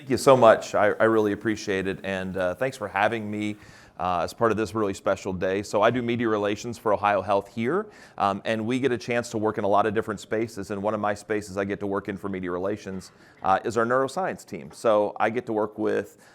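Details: Adult male speaker; Normal speech.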